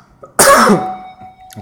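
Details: A single harsh, abrupt, loud cough from an adult man walking outdoors in Shioya, Kobe, Japan, fading over about half a second.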